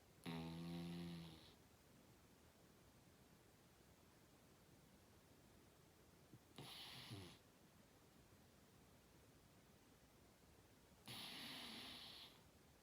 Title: snoring